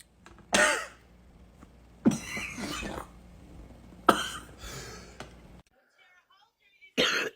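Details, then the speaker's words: Coughing fit: four forceful, wet coughs with throat clearing and gasping between over about seven seconds. "Let's go through a coffin fit and sneeze at the same time. I can't breathe."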